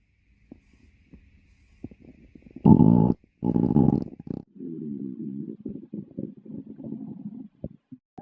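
Low gurgling rumbles and bubbling runs of gut noise, with a couple of louder rolling growls; ordinary stomach growling, a normal bowel sound.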